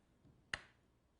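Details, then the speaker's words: Single transcranial magnetic stimulation pulse over the motor area of the head, as part of treatment for depression, producing an involuntary thumb twitch that confirms coil positioning: one sharp click in a quiet room. "so it's an involuntary movement that shows that the electromagnetic waves are penetrating through the skull to the brain in the right spot"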